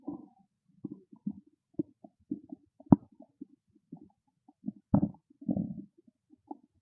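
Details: Irregular low gurgles and rumbles with a few louder squelching bursts; loud stomach growling (borborygmi) from hunger.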